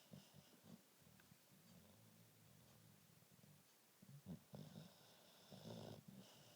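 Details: Sleeping subject snoring with soft, low, rumbling snorts and flutters and a faint whistle on some breaths, dog-like snoring.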